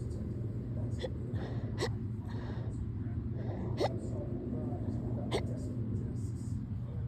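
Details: Fast, tiny hiccups, four to five brief sharp clicks irregularly spaced over a low rumbling background, in a bout of hiccups recurring on and off since yesterday, varying from very fast to normal to very loud; hiccups.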